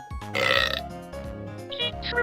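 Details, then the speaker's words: Animated MMD Aqua Teen Hunger Force burping contest, simulated: Frylock lets out a long, drawn-out belch with music playing behind it; burping. "dude frylock since when did you become a burping master excuse me exalt it just came out"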